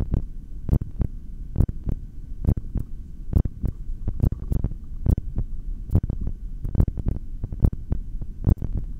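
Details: Heartbeat heard through a stethoscope during a held breath (exhaled or inhaled breath-holds of up to 4:18): steady paired heart sounds at about 69 beats a minute, no breath sounds, with stomach growls also in the recording.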